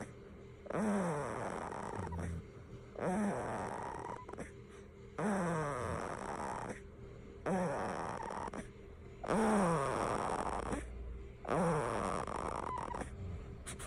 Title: Snoring Baby 🥰